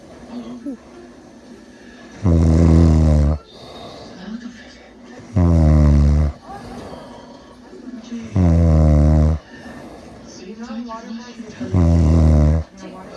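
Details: An adult man (the recorder's father) snoring: four loud, deep, rattling snores on each in-breath, about 19 a minute, with quieter breathing between and a television in the background.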